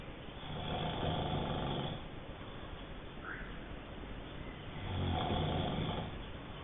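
Low, rough breathing sounds on each breath, two long snores about four seconds apart, like a sleeper snoring at roughly 15 breaths a minute.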